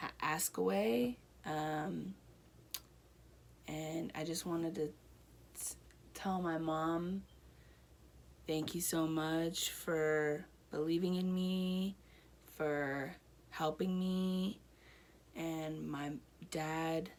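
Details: Adult woman with Broca's aphasia after a stroke one year earlier that affected her right side; speech improving with therapy.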